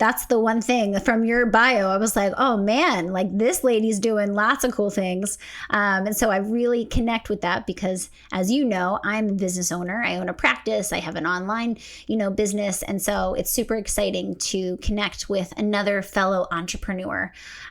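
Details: Adult woman speaking; ordinary speech.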